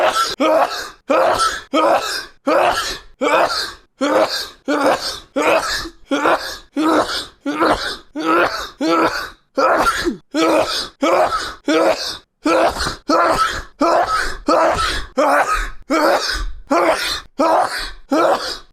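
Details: A person sneezing many times in a row during a live stream: a long run of sharp, explosive bursts at a steady pace, a prolonged fit of repeated sneezing.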